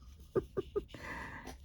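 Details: A dog named Daisy snoring while sleeping in a small room during a crafting session, with three quick snorting grunts followed by a longer rasping breath.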